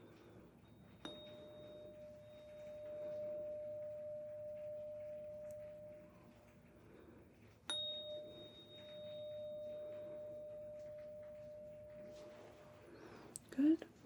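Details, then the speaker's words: Simulated ASMR roleplay cranial nerve exam (CN8 hearing test): two struck 512 Hz tuning fork tones, each a clear steady pitch ringing about five seconds before fading; 512 Hz tuning fork tone. "Now, this one tends to be clear as a bell. This is 512 hertz. Let me know if you can hear it."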